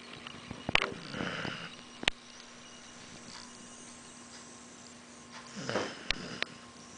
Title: cute girl dog snores